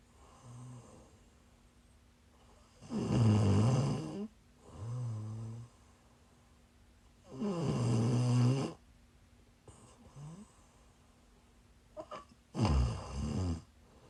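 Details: Loud, rough in-breath snores alternating with softer ones, about 13 a minute, recorded during a live stream while the snorer was sick: snoring.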